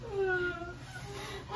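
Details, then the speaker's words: A newborn's short, wavering cry right after a difficult vaginal delivery with a stuck shoulder of a big baby (about 4 kg per delivery staff), with room noise; newborn cry. "Okay na yan ma o yun na umiyak na umiyak pero hindi kuya Grabe talaga siya"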